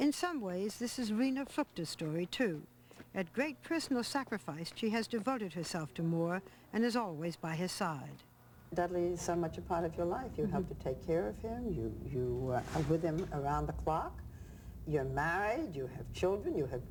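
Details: Adult speakers, narration followed by an interviewer's question; ordinary fluent speech.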